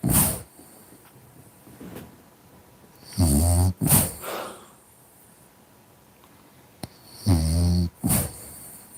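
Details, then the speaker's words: A sleeping French bulldog snores with low, buzzing snorts on each breath, about 15 breaths a minute: snoring. "I'm just with my dog who's snoring. Do you want to hear it?"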